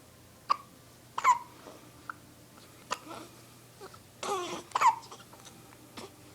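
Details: Two people hold a hiccup contest: several short, abrupt voiced catches with quiet gaps between them, the sound of repeated hiccups.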